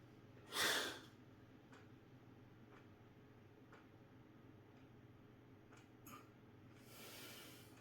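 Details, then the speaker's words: Metered-dose inhaler technique: inhaler shaken, cap removed, lips sealed around mouthpiece, short puff hiss pressed with a slow breath in, breath held, then exhaled through the nose; two puffs one minute apart. "बघा असं inhaler आहे हलवलं झाकण काढलं तोंडात पकडलं ओठ चारी बाजूने घट्ट आणि प्रेस करून श्वास आत घ्यायचा"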